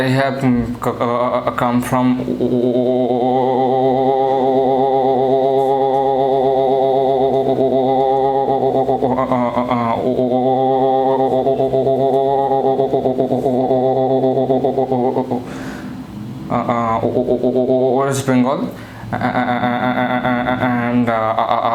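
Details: 24-year-old man with stammering since childhood, recorded before speech therapy; stuttering.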